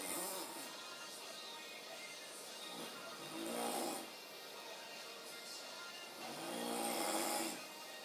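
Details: A sleeping male roommate snores in two soft, hoarse snores about four seconds apart, rising and fading with each breath, over background music.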